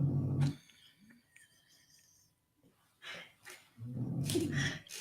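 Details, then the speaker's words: A pet dog, very tired after running around in the woods, sleeps during a live stream and gives low rumbling snores, two a few seconds apart, in a quiet room. "the reason why I'm laughing I don't know if you can hear him but George is snoring"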